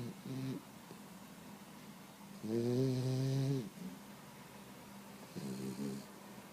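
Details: 16-week-old boxer puppy snoring and dreaming during an afternoon nap: three rhythmic tonal snores, one long and two short, over steady room hum; snoring.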